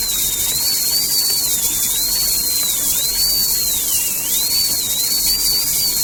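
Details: Dental rotary handpiece during root canal work on curved canals: a high, steady whine that rises and dips in pitch as the load changes.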